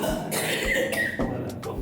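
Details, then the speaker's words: 8-year-old boy with chest pain, breathing difficulty, heavy cough with sputum and sleepless nights, seen in a paediatric pulmonology consultation; rapid run of about five harsh, congested coughs, a wet cough. "Donc vous voyez quand ça tousse, vous entendez. Donc il y a quelque chose là."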